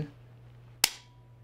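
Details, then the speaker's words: Respimat soft mist inhaler, propellant-free, for COPD, being primed on first use: the gray lever on top is pressed, giving a single sharp click and brief hiss as visible mist sprays, repeated four times before the first dose. "okay and then pressing this gray lever on top mhm oh Mist you can see the Mist yeah and the first time you get this you'll need to do that four times"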